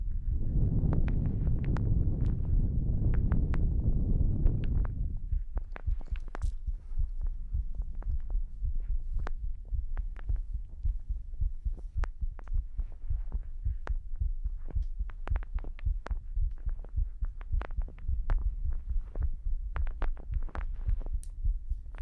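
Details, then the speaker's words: Pre-recorded one-hour heartbeat recording overlaid as ASMR stream audio, volume boosted; soft low thumping heartbeat under a steady hum with a louder rumble early on; normal heartbeat. "Um, I did a oneh hour heartbeat recording before the stream, which allows me to have this over uh like overlapping audio for you. So, it's a bit louder because I'm able to increase the volume on like my um like on my Windows player slider."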